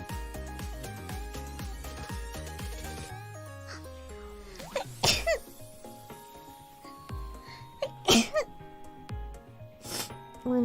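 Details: A VTuber sneezing during a livestream: a few short, sharp sneeze bursts over about ten seconds, with background music.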